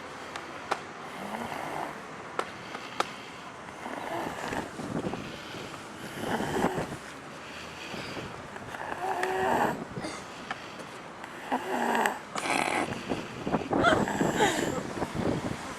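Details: Rough, rumbling breathing noises recurring every few seconds over a steady background hiss, recorded March 2011: snoring.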